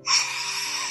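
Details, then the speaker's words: Young patient with severe obstructive sleep apnea who failed CPAP, first night with an oral mandibular advancement device, airway opened but not fully; snoring with partial airway obstruction. "정도 되면 기도가 열리긴 열렸는데 덜 열렸어요 아직까지 충분하게 열리지 않았기 때문에 이런 소리가 나는 거거든요"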